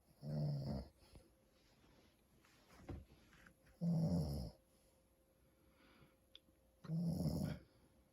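Three short, rough snores spaced a few seconds apart in a quiet room; ordinary snoring in sleep.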